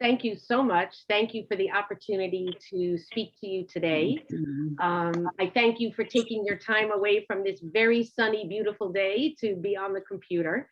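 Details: Adult woman speaking; Normal fluent speech.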